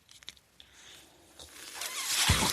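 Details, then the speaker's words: Mechanical ventilator audible in the background while the adult male user speaks on his podcast: breath cycle sounds of his ventilator. "Hello everyone. That noise you're hearing is my ventilator."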